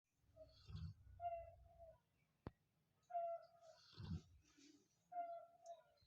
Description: cute labrador dog is sleeping and snoring